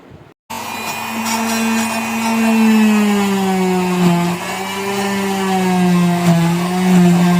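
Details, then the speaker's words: Steady high-pitched motor whine dipping as the blade loads: an oscillating cast saw finishing cutting a modern plaster cast off a female patient, who reports severe pain where it touched. "आणि अशा पद्धतीने एकदाच ते plaster cutting झालं खूप त्रास झाला हो खूप दुखत होतं"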